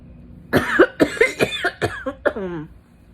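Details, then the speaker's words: Hacking cough from a person feeling miserable with nose blowing and sneezing, with smoke reported outside: a quick run of about six dry, harsh coughs ending in a drawn-out voiced groan. "i can't put the cap on i don't want to lose it i'll do some coughing oh my god"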